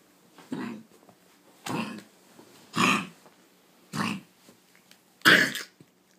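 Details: A pet dog coughing: five short, harsh, dry coughs about a second apart, with quiet room noise between them.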